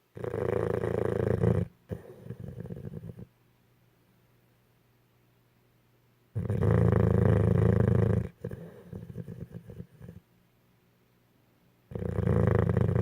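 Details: Sleeping dog wearing a cone, snoring: loud, rumbling snores in slow cycles, each followed by a softer outward breath and a quiet pause.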